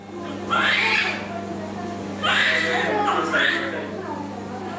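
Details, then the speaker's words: Three strong, loud newborn cries over a steady hum and background music, in a newborn resuscitation teaching video; a baby who breathes well cries. "observez le bébé attentivement respire t-il bien un bébé qui respire bien pleure"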